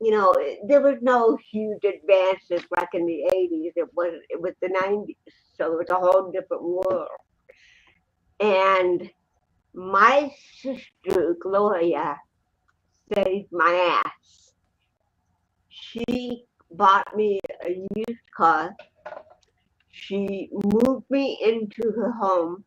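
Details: Dysarthria in a woman with cerebral palsy present since birth in 1956; real, not acted, conversational speech.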